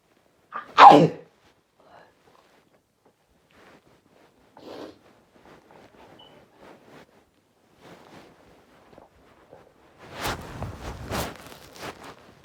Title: Sneezing 8